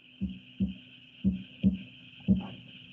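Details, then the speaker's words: Normal heart sounds, played for comparison with aortic stenosis: regular paired lub-dub sounds at about 57 beats a minute, normal rhythm with no murmur. "so you've got your normal normal sounds quickly"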